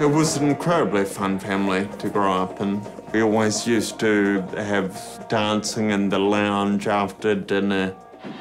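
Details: Man turning 30 with Friedreich's ataxia, a genetically inherited, progressive neuromuscular condition affecting coordination, balance and speech; ataxic dysarthria.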